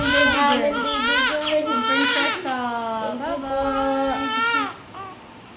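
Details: Newborn baby girl, the mother's second child, born ten years after her first, cries just after birth: loud, strong, tuneful repeated wails, a vigorous newborn cry.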